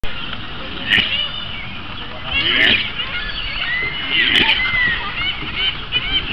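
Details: Recently shaved alpaca at a zoo sneezing about three times in quick succession over steady outdoor background noise: a sneezing fit.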